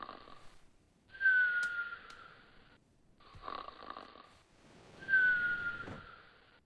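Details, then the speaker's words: Simulated snoring acted in a scripted family scene of a dad asleep: rattling snores with a whistling note on each inhalation, about three in seven seconds; snoring. "You're doing it again! Mom? We can't sleep. It's too loud. It sounds like a monster!"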